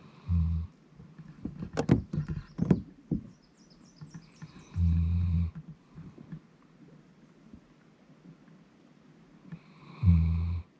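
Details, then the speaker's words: Dog (Monty) snoring while asleep in the back of a canoe: three low, buzzing snores about five seconds apart, roughly twelve breaths a minute, with wooden knocks and paddle sounds. "I'm sure monu would mine he's just like he is just snoring in the back of the boat there you can hear him snoring yeah he's out"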